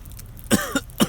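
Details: An infant gives three short, light coughs in quick succession, made on purpose in play rather than from illness; voluntary cough.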